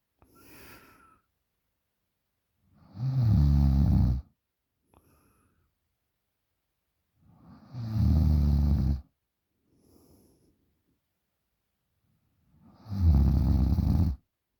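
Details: 20-year-old female asleep: loud, rough low-pitched snores on in-breaths with quieter out-breaths, about 12 breaths a minute; loud snoring.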